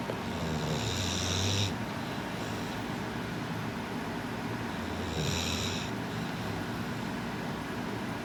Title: Puppy Snoring! So cute (King Kaiba)